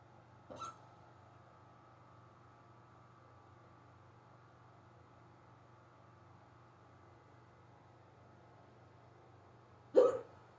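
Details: Two abrupt, sharp hiccups about nine seconds apart over quiet room hum, from a person during an unusually severe, fast hiccup bout that began on waking and lasted almost 20 minutes.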